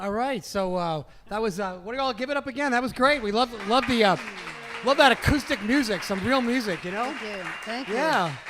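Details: Adult speaker addressing a live audience; Normal speech.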